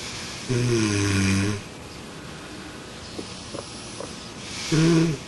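Two low, rattling snores on breathing in, separated by a quiet exhale; ordinary snoring during sleep.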